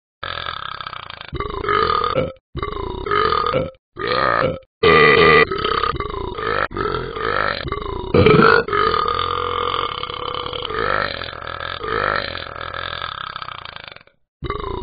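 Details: Dog making a run of loud, long, drawn-out voiced belch-like sounds one after another with short pauses; repeated burping.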